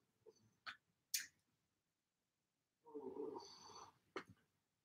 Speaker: Yeah, but can you hear us? Yeah. I hear your stomach growling. Yeah, it is growling.